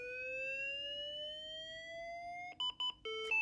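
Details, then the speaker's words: Manual monitor defibrillator in a cardiac cath lab, charging for synchronized cardioversion of a patient in ventricular tachycardia: a steadily rising electronic whine, then repeated beeps and a steady tone signalling it is ready to shock. "You can adjust to whatever the team lead would like. Then you press your charge button."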